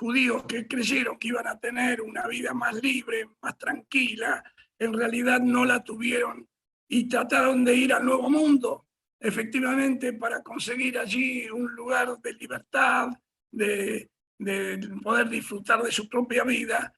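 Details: Dysphonia in an adult male speaker, who himself apologizes for his dysphonia and doubts the audience can hear him well.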